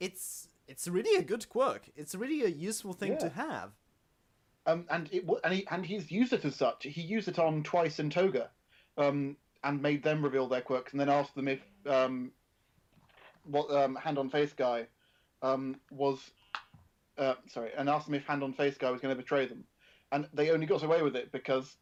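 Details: Adult male speaker; ordinary speech.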